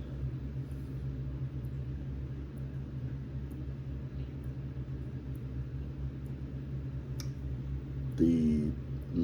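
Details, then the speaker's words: Metronomic clicking of the speaker's own mechanical heart valve, heard while he talks about writing; he calls it his heartbeat. "metronomic sound you hear, that's my heartbeat. I have a uh valve that's mechanical. And so you hear that I'm still working."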